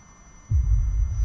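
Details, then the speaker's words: Simulated tinnitus in a short film about a DJ with tinnitus: faint, steady, soft high-pitched ear ringing under a deep bass thump. "Now listen for the ringing in the ear. Do you hear it? If you listen closely, you can hear a soft ringing sound."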